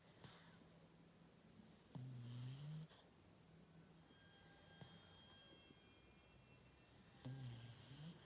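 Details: Snoring from a sleeping pug.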